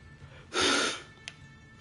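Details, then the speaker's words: Person with self-reported heavy nasal congestion, talking during a gaming stream, gives a single loud, hissy nasal sniff or snort of about half a second into the microphone, then coughs and clears the throat. "Ah, bro. I got some crazy nasal congestion right now."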